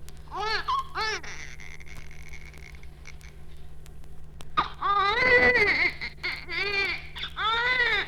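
Short, thin newborn cry bursts, then a few longer wails over a steady low hum; a weak, feeble cry typical of a premature infant.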